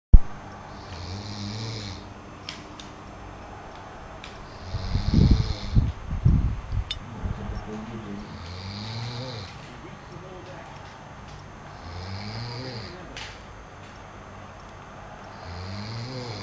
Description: the effects of snoring